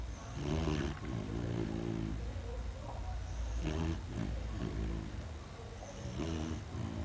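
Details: Snoring while asleep: loud, deep, vibrating snores with a growly rattle in a steady run of breaths; heavy sleep snoring.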